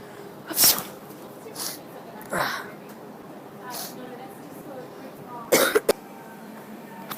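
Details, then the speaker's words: Simulated, fake sneezes from a prank: several sharp, explosive sneeze-like bursts in irregular succession, with faint talk and room noise between. Sneezing. "hey guys this week's video is the sneezing prank and it's when we get a spray bottle and pretend we sneeze on people"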